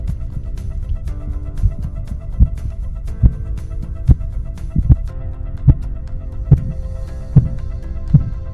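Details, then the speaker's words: Regular low thuds about 70 a minute with soft music behind: Korotkoff sounds over the brachial artery, cuff on the upper arm, during blood pressure measurement in the context of monitoring sick children. "The appearance and disappearance of Korotkov sounds, which are pulsatile circulatory sounds heard upon auscultation of the brachial artery, are used to record systolic and diastolic blood pressure."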